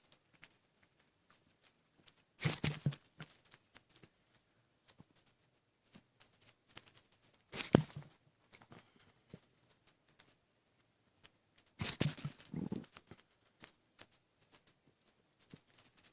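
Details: Three abrupt throaty catches with sharp air intake, about four seconds apart, in a quiet room: hiccups right after drinking a very large amount of water and feeling very full.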